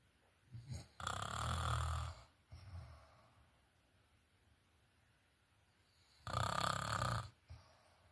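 Rough, rattling snores on each in-breath with a short snort after, separated by long quiet gaps.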